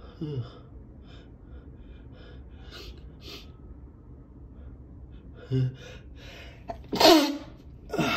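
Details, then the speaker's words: Adult with a head cold, third in four months, nose stuffed up: quiet room, brief sharp intake, then a loud stifled sneeze into a handkerchief. "Oh, when I sneeze, when I blow, I always have to sneeze right now."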